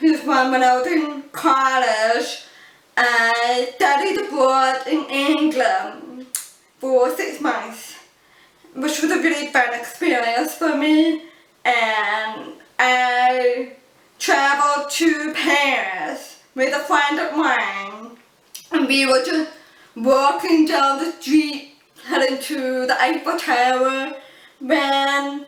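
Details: Adult woman born deaf, using cochlear implants, who learned spoken English through childhood speech therapy; a deaf accent often mistaken for a foreign accent; deaf speech.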